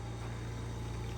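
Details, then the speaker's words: Home five-litre oxygen concentrator with a home fill station for portable tanks: steady low droning hum. "after this machine the bottom machine which is your concentrator should be set at two liters or under"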